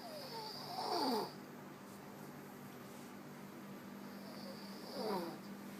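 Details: Sleeper snoring: two rough, fluttering snores about four seconds apart, with quiet room noise between them.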